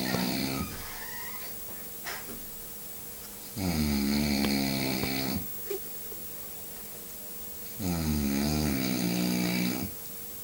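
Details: Man snoring: two long, loud, rattling breaths roughly four seconds apart with quiet gaps between, over a steady background hum.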